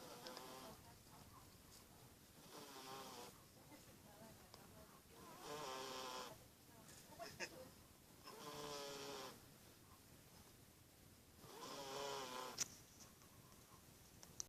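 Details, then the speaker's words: Female puppy deeply asleep and snoring: soft, regular rattling snores, about five breaths in fifteen seconds, roughly 20 a minute. "my snoring dog. That's my snoring dog, Roxy. Look at her, she's knocked out. KO."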